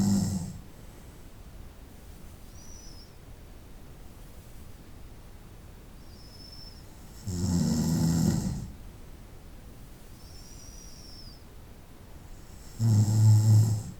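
Two loud, low, rattling snores on inhaling, about a minute's pace of eleven, with faint whistling breaths between them; ordinary sleep snoring.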